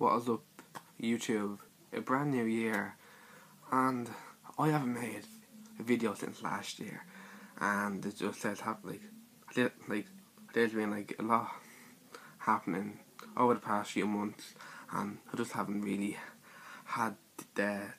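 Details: Stuttering (stammer) in a male speaker describing his own speech in a personal series.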